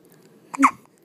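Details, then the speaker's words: Hiccups in a 2-day-old newborn boy who is awake and feeding well: a single short, abrupt gulping sound in a quiet room. "he's got the hiccups big hiccups huh"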